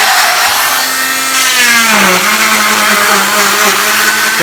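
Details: Oscillating cast saw cutting down the side of a girl's leg cast: steady high whine with a voice over it; the blade vibrates back and forth so it moves with skin but cuts the cast.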